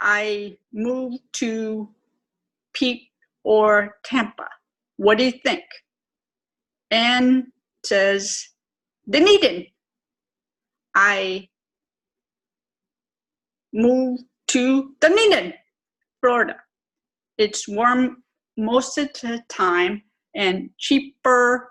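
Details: Adult woman, stroke twelve years earlier, self-reported severe aphasia with severe apraxia of speech; chronic post-stroke aphasia with apraxia of speech.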